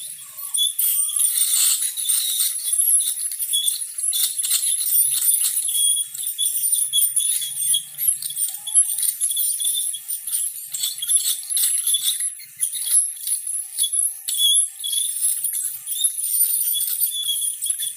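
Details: Ultrasonic dental scaler during professional teeth cleaning and tartar removal: continuous high-pitched hiss and whine with scratchy clicking as tartar is scraped.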